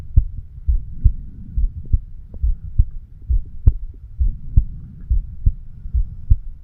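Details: 36-year-old male recording his own heart with a homemade microphone stethoscope over the mitral (bicuspid) valve area: regular low thumping at about 68 beats a minute over a steady hum; normal heart sounds.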